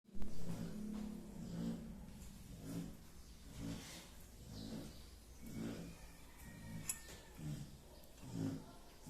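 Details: Dog snoring: repeated low, rumbling snorts with each breath in a steady rhythm over faint background hum from a sleeping dog.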